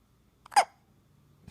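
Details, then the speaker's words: A baby boy who had been fussy earlier gives one short, sudden, squeaky catch of breath: a single hiccup. "The hiccups. The monkey boy has hiccups. Say hi, Dad."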